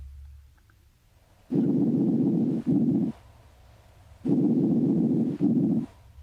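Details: Teaching recording of bronchial breath sounds: two loud, hollow breath cycles, expiration lasting longer than inspiration, with a brief silent gap between the phases. Finding: bronchial breath sounds.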